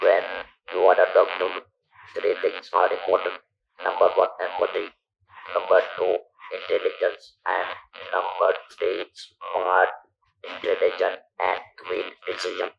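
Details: Electrolarynx speech from a man who lost his natural voice after surgery in 1997 for stage 4 vocal cord (throat) cancer; long-term survivor of about 10,000 days.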